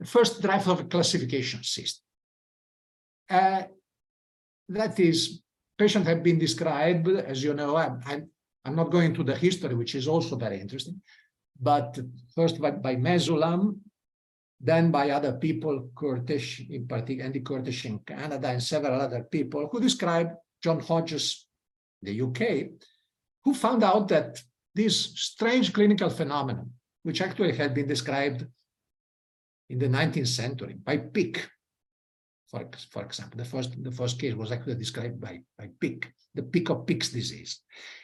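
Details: Adult male lecturer; ordinary speech.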